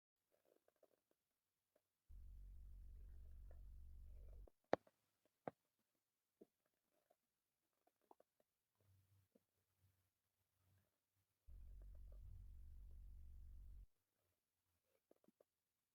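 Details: Male: two low, steady rumbling stretches of about two seconds each, with faint clicks between; ordinary stomach growling (borborygmi).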